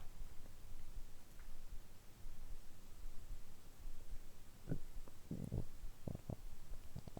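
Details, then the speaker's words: Bowel sounds after eating soy-sauce and nori rice dumplings, recorded as stomach-rumble ASMR: quiet room noise with a few soft, irregular gurgles and low rumbles from the belly. "それではもう少しお腹の音をお楽しみください。"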